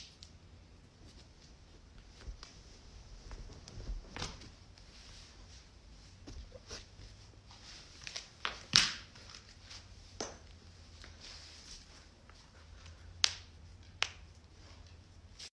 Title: cracking joints